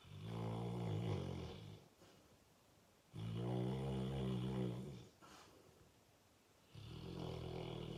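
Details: Snoring in a sleeping full-grown male Fox Red (Ruby) Labrador Retriever who often wakes himself snoring: loud, low, rumbling snores on each in-breath, quieter out-breaths, about 15 breaths a minute.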